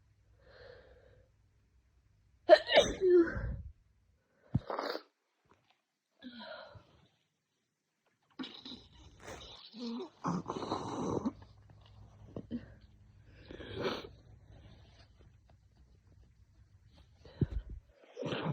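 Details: Severe head cold for two days, nose burning: several sharp sneezes in a row with gasping breaths between, plus sniffing; repeated sneezing.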